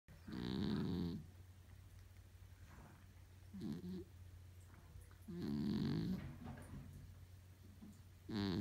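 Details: Small female cat sleeping and snoring loudly in rhythmic, rattling bursts about every four seconds over a steady low hum: ordinary snoring during sleep.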